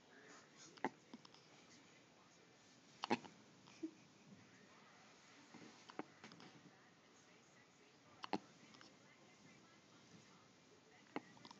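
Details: A child's hiccups: about five short, sharp gulping clicks spaced a few seconds apart in a quiet room.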